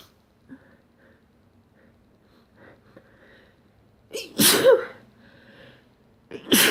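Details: Two forceful sneezes close together after soft sniffs and small breaths in a quiet room, recorded in the morning: sneezing.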